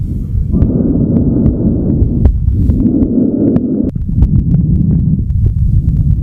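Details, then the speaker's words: Bronchial breathing heard by listening over the trachea: loud, hollow breath sounds with inspiration and expiration of similar loudness and duration, separated by a discernible gap; bronchial breath sounds. "listening over the trachea is a useful way to enable students to distinguish between normal vesicular breathing or bronchial breathing that they may encounter"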